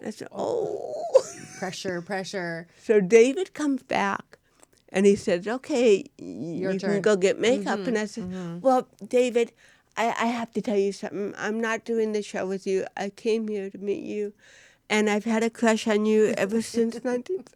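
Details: Adult woman with cerebral palsy since birth, diagnosed at 18 months; speech in a studio interview; dysarthria (cerebral palsy).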